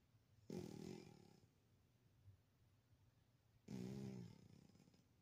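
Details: Sleeping Maine Coon cat snoring: two rumbling, fluttering snores on breaths in, a few seconds apart.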